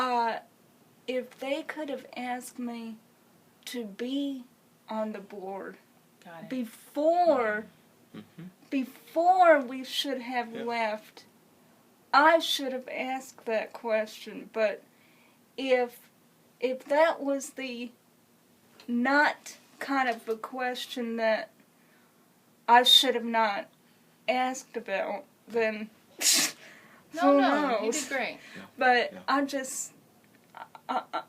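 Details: Woman with congenital cerebral palsy who has used a wheelchair since early childhood; dysarthria (cerebral palsy).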